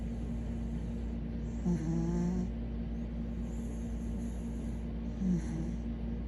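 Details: Pet dog fell asleep during a belly rub and began snoring: two brief low snoring snorts over steady background hum.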